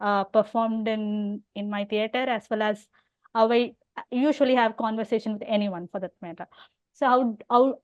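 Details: Adult woman who stammers openly (overt stammering) and has hearing loss; stuttering.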